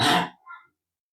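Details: Single forceful throat clearing followed by a short voiced grunt, clearing mucus from the throat during a nasal gurah cleansing treatment for breathlessness, sinusitis, polyps and chronic cough; throat clearing.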